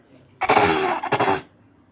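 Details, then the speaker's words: Short, dry, forced-sounding cough in two bursts from a child asked to cough; chest and throat clear on examination, less during sleep; diagnosed as habit cough, not a disease. "लेकिन इसको जो ये जो आवाज़ कर रहे हैं ना, इसको हैबिट कफ कहा जाता है। जैसे ये जो कर रहे हैं ना, हैबिट है, वो कोई बीमारी नहीं है, इसको एक्सेस दवाई देने की कोई ज़रूरत नहीं है, ये चलते रहेगा जितना आप उसको ध्यान दोगे।"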